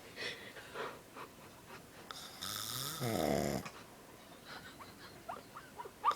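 One loud, rattling snore on the in-breath amid quiet room noise and faint clicks; snoring.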